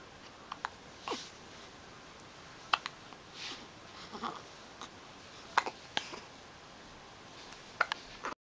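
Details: Short, sharp, irregular bursts, about eight in several seconds, in a quiet room, from a person, recorded in Switzerland: hiccups.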